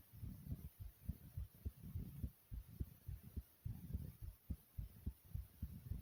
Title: Fast Pounding Heartbeat Sound ❤